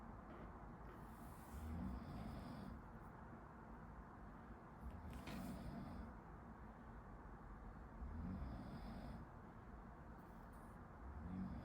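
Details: Sleeper snoring in the background while a medical student studies in a quiet room: soft, low rumbling snores recurring about every three seconds.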